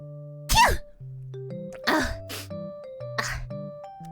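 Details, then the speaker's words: Single sharp, forceful adult sneeze over steady background music, followed by a few softer breathy noises; sneezer calls it a painful sneeze. "guys did you catch that did you catch my snot you can sell that you know you can sell that for a load oh God that was a painful sneeze holy cow"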